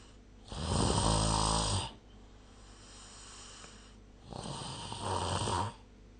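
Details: Snoring during sleep recorded with the SnoreLab phone app; two loud, low, rattling breaths about four seconds apart with quiet between them.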